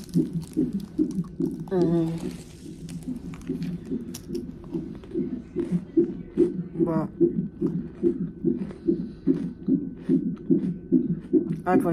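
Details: Woman 34 weeks pregnant in labor and delivery triage with severe pain and pressure, possibly Braxton Hicks. A good, strong fetal heartbeat on the monitor: rapid, steady whooshing thumps about 146 a minute, faint background tones. Normal.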